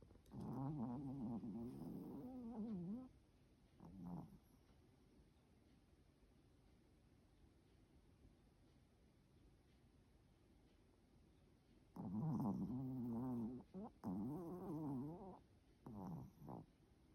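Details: Sleeping male Pomeranian, born August 2021: buzzing, fluttering snoring breaths in bursts separated by quiet pauses.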